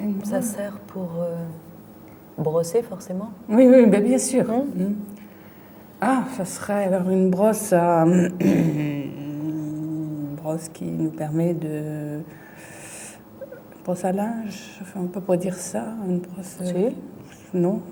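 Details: Female patient with a brain lesion; fluent aphasia with word-finding difficulty, word substitutions and distorted words.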